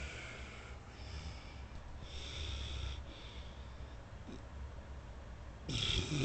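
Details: Sleeping adult man snoring in a room, recorded on an iPhone: rough, rumbling breaths with a louder snort near the end, in a quiet room.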